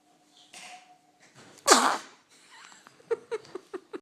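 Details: Baby watching herself lets out a big sneeze: one loud, sudden explosive burst of air after a quick intake of breath, then quiet vocal sounds.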